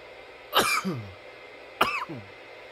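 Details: Two harsh coughs, each ending in a falling voiced groan, over steady background hiss; repeated coughing from a roughly 10-minute coughing recording.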